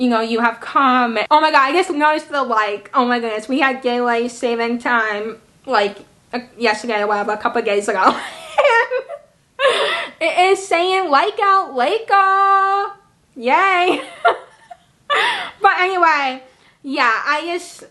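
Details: Woman, almost 26, with cerebral palsy and a self-reported speech impairment; she also reports a visual impairment; dysarthric speech in cerebral palsy.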